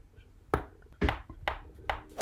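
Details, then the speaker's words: Adult with Tourette syndrome: series of about five sharp pops in quick succession as his shoulder cracks during an aggressive, repetitive motor tic. "so most of my tics involve my neck my shoulder and my chest I also have a lot of tics that involve my hands and the thing is when I do those tics I do them very aggressively and that's the exact same every single time so if you hear my shoulder popping"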